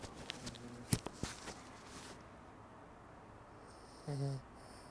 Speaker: and he, my God, look at them there. You can hear him snoring.